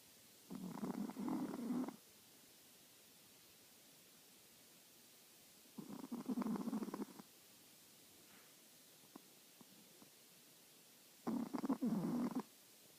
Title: My Daughter's Chihuahua Snoring